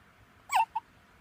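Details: Newborn hiccups: two quick, high, squeaky catches over faint room noise.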